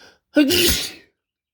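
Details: A single sharp sneeze, a quick voiced intake then an explosive hissing burst, preceded by an attempt at saying "I'm gonna sneeze": sneeze.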